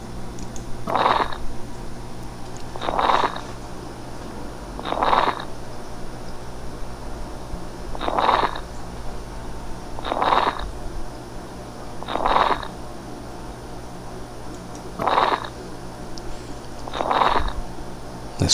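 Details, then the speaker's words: Coarse crepitant crackles over scarred fibrotic lung, air stretching collagen scar regions as healthy lung expands: regular short bursts of harsh crunching crackles with each breath. "genera también cierto estiramiento de estas regiones cicatriza les y se escucha el estertor crujiente que suena más o menos así"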